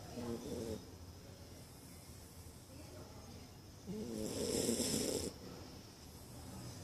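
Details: Sleeping Corgi, very tired after a Christmas party, snoring softly, with two louder rattling snores standing out over quiet breathing; snoring.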